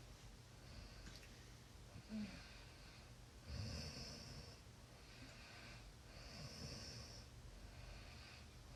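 Soft, regular sleep breathing with light snoring and a few snorts, heard faintly above room noise; mild snoring.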